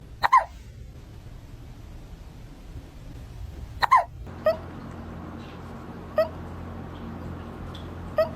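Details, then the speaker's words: Small, sharp, repeated hiccup sounds at irregular intervals over quiet room noise from a pet cat, after eating food too fast; feline hiccups. "You have the hiccups. Oh, baby."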